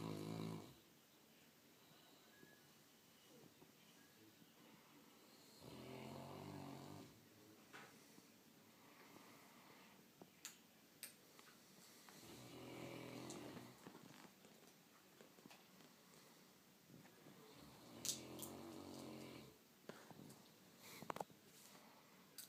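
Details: Sleeping St. Bernard dog, dozed off while being shaved: slow, rumbling snoring inhalations about ten a minute with quiet pauses between, quieter than usual on camera.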